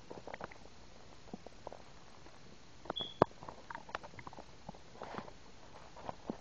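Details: Abdomen of a 10-year-old girl: quiet, irregular gurgles and short pops, ordinary stomach rumbling; bowel sounds.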